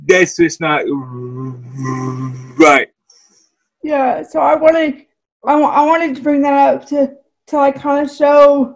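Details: Woman with cerebral palsy whose speech is affected by the condition: dysarthria (cerebral palsy).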